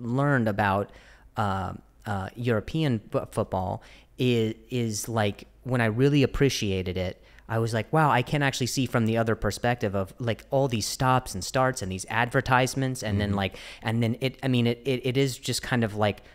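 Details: Adult male who stutters, speaking with word repetitions: stuttering.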